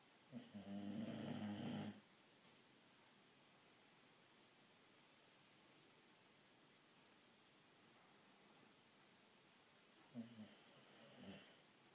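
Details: Snoring from George, a boxer dog.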